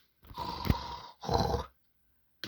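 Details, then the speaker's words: Animated cartoon character's exaggerated comic snoring: two loud, rough, rattling snore-like breaths while others complain they cannot sleep; simulated, not real snoring. "어우 타로 코리가 너무 심한 거 아니가 만타로 코리 좀 그만두지 못하겠느냐 잠을 못 자겠느냐"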